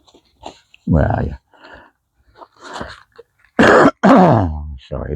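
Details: Adult man setting up a tent outdoors, who mentions his own puffing and wheezing: several harsh coughs and throat-clearing bursts with voiced groaning between them; no clear wheeze evident.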